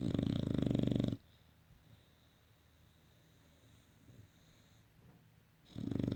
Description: Olde english bulldog snoring